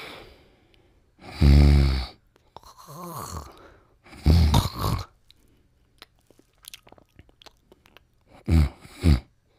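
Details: Sleeping Pimples snoring and dreaming: irregular low, buzzy snoring breaths, one rising and falling like a groan, with soft lip-smacking and clicking between; ordinary snoring during sleep.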